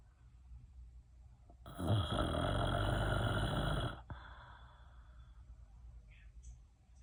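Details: Real recording of one long, loud, rough fluttering snore lasting about two seconds, then quieter breathing: ordinary snoring.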